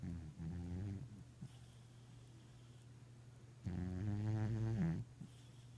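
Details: Leo, an overweight 8-year-old cat, snoring, which began over the past two years and sometimes gets very loud: two long, deep, buzzing breaths about four seconds apart, with a quiet pause between.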